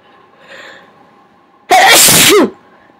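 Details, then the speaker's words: Single loud, wet sneeze after a quiet in-breath over faint room noise, self-induced by tickling the nose, from a person with a snotty nose; sneeze. "they gave myself sneeze but here I am the big ol snotty nose you see her by myself"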